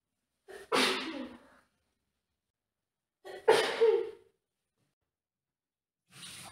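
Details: Simulated scenario, female, doing dishes in the kitchen with a red nose, possibly coming down with a cold: two sharp sneezes a few seconds apart, each with a brief in-breath, then the start of a third.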